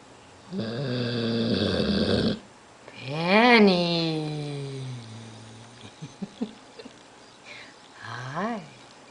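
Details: A sleeping dog having a bad dream, snoring: loud buzzing snores with a whistly, groaning rise and fall in pitch and short snuffles between.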